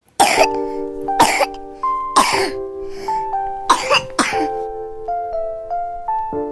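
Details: Cat coughing suddenly: five short, harsh, dry cough bursts about a second apart over background music, a bout of coughing.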